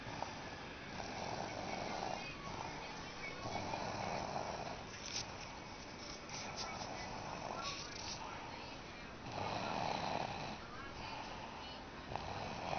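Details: Snoring: rhythmic rasping snores, about five in thirteen seconds, against a steady background hum.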